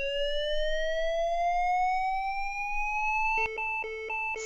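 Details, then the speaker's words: LIFEPAK 15 monitor-defibrillator charging after analysis advises a shock with therapy electrodes: a steadily rising electronic charging tone, then repeated short beeps signalling ready to shock. "if it's not safe to push the shock button you can press the speed dial to cancel the charge"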